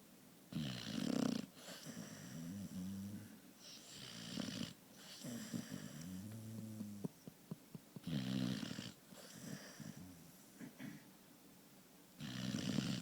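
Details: Snoring loudly while asleep on a couch: repeated low, rattling snores with noisy intake breaths, about five over thirteen seconds, roughly twenty-three a minute.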